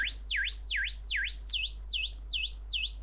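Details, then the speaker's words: High, warbling electronic test tone of about 4,068 Hz pulsing rhythmically, played from a smartphone hearing test app during a rising frequency sweep. "This is for those of you who haven't got a smartphone. 4,068"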